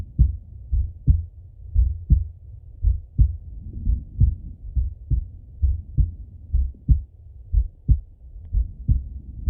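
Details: Male heartbeat by stethoscope during full heart auscultation, recorded either sitting at a desk or lying in bed: steady low lub-dub beats at about 60 a minute; normal heart sounds.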